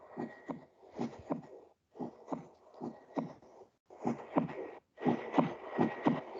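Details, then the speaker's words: Regular heartbeat about 60 a minute, second sound faintly doubled ("blup blup"): aortic then pulmonary valve closure, normal physiological splitting of S2, played as a teaching example. "Ese pequeño blup blup que oyen es el cierre, primero de la aorta y luego de la pulmonar, ¿verdad? Y es normal, no se asusten."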